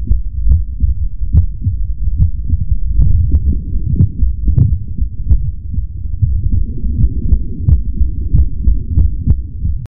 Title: Heartbeat ASMR 2 (black screen)